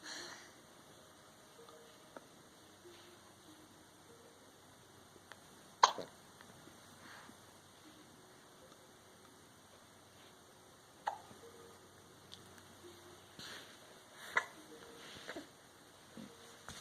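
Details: Several brief, sharp catches of breath spaced seconds apart in a quiet room; hiccups.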